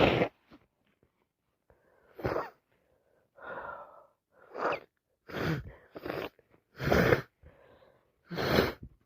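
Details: With a cold, sneezing about 6 times a minute and feeling very ill: a run of sharp, loud, wet sneezes with hitching, catching breaths and sniffling between them, plus nose-blowing. Sneezing.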